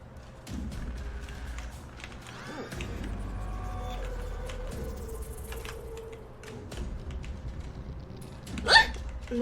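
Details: A sharp, sudden hiccup burst near the end, over steady room noise with background music and a lower tonal sound, during a livestream in which the streamer has hiccups again.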